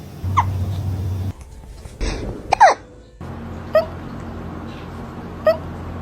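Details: Small male cat with hiccups: small, abrupt, chirp-like catches recurring every couple of seconds over a background hum.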